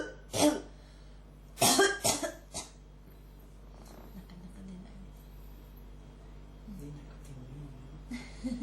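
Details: Person with a cough that won't stop, throat feeling it strongly, recorded as ASMR: roughly five harsh cough bursts in two clusters, quiet breathing and faint room noise between; persistent cough.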